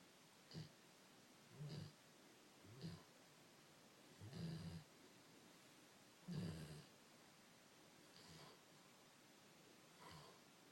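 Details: Sleeping 108 lb dog: soft, low rumbling snores repeating irregularly, about seven in ten seconds, over quiet room noise; snoring.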